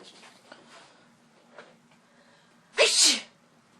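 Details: Child doing a deliberate fake sneeze: one sharp, hissing sneeze after quiet room sounds; simulated sneeze.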